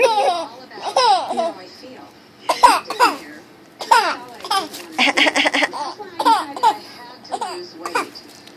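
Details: Baby boy laughing and babbling in a small room, with a few short, harsh cough-like bursts among the high-pitched vocal sounds.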